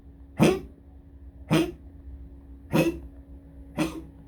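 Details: Dog coughing in the toilet before going to pee: four short, harsh, hacking coughs about a second apart, with a steady hum behind.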